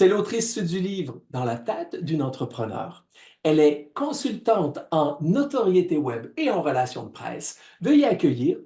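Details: Adult host speaking French; typical speech.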